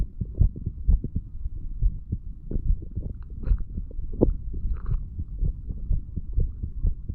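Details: 35-year-old man after drinking too much alcohol, recorded with a stethoscope a couple of hours after going to bed, from mitral to tricuspid area: repeated low thumping heartbeats over a faint hum; ordinary heart sounds.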